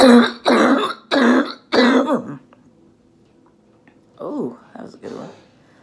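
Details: A female orthopedic surgeon recovering at home from COVID-19 does a "phlegm gym" airway clearance exercise to cough up phlegm from the lungs; productive cough.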